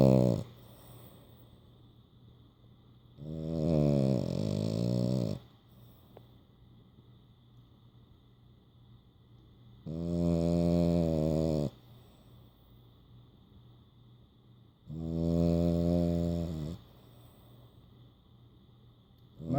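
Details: French bulldog snoring while asleep with eyes open and tongue out: loud, rattling, low snores about 12 a minute with quiet gaps between.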